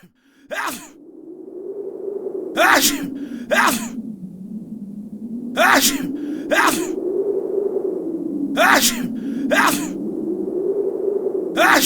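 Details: Acted sneezing by a person (sneezing person, real version): repeated sharp bursts, often in pairs, over a continuous low groaning voice, about eight sneezes in twelve seconds.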